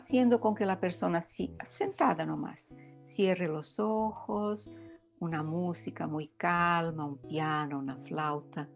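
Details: Adult woman speaking Spanish; plain speech.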